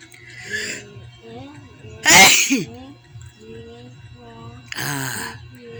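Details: Tickle-induced sneezes: two loud, abrupt sneezes about three seconds apart, with light background music and voices.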